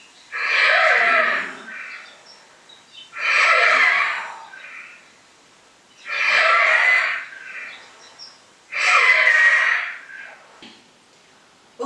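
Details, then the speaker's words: Inspiratory stridor: loud, harsh, high-pitched, grating noise on each breath in, about 21 breaths a minute, from airway obstruction at or below the larynx. "So this is an high pitched musical sound which is very harsh and also having a grating quality grating like quality. Okay. So high pitched um sound harsh and gritty and this can be inspiratory. What you now heard is an inspiratory stridor."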